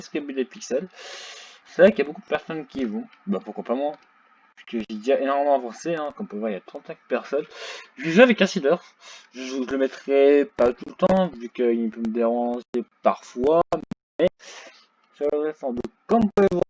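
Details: Male French-speaking gamer who reports a small stuttering problem; stuttering.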